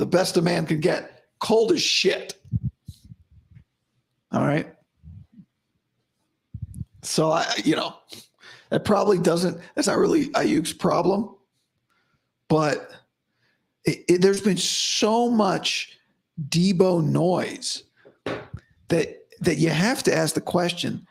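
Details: Male host with dysphonia about five to five and a half weeks after vocal fold surgery; he reports daily improvement but likely unchanged from yesterday after heavy voice use and no sleep.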